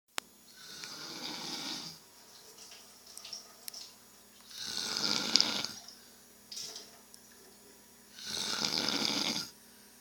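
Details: A friend snoring really loud: three loud, harsh, hissing breaths about four seconds apart with quiet gaps, roughly 15 breaths a minute; snoring.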